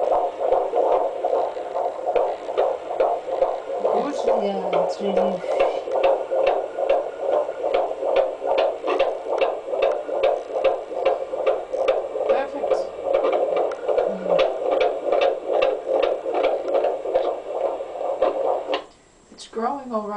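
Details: Fetal heartbeat on hospital ultrasound, baby lying head down: rapid, regular whooshing pulses at about 145 per minute with brief voices in the background; normal fetal heartbeat.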